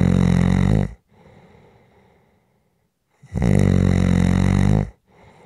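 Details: Loud, deep rattling inspiratory snores, each over a second long, with quieter exhalations between; ordinary heavy sleep snoring from a relaxation/white-noise recording.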